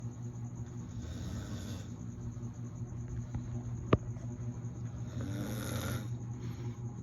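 Low, rumbling snoring noise from a sleeper, with a single sharp click partway through; ordinary snoring.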